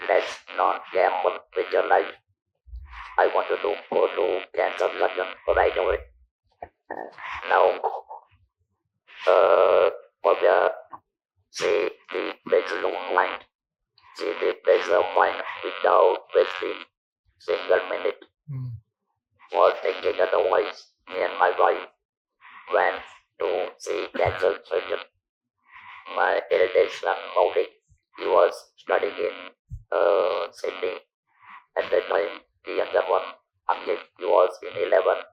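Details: Male survivor of stage 4 vocal cord (throat) cancer since 1997 (about 10,000 days), who lost his natural voice after surgery; speaks with an electrolarynx device; electrolarynx speech.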